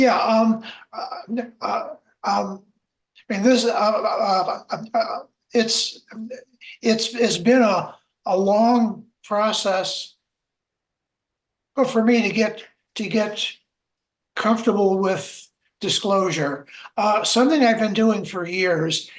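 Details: Adult man who stutters, with repetitions and filler words; stuttering.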